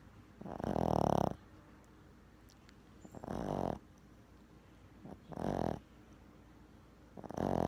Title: Napping and snoring 😘